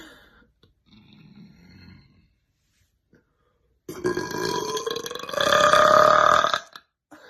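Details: Girl burping: a soft grunt, then one long, loud, rough belch lasting nearly three seconds, rising in pitch before stopping.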